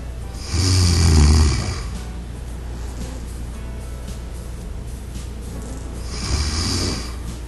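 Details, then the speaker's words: Two loud, low, rattling snores about five seconds apart with quiet breathing between, over soft music, in a demonstration of an anti-snore pillow that detects snores and shifts left and right after four snores. "if four more snoring sounds are detected the pillow goes through the shifting operation again the entire process is repeated until no more snoring sound is detected"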